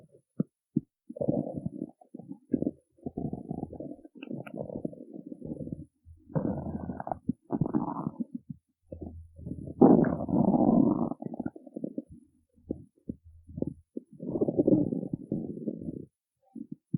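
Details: Stomach growling after skipping breakfast: bursts of gurgling, rumbling bowel sounds from an empty stomach; normal hunger borborygmi.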